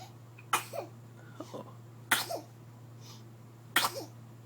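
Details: Infant girl sneezes: three sudden, sharp bursts of air, each followed by a brief small vocal catch, with a soft adult voice responding between them.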